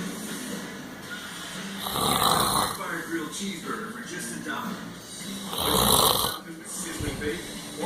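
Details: Loud, harsh snores about every four seconds with quieter breathing between; heavy snoring from a male who falls asleep as soon as he lies on the couch.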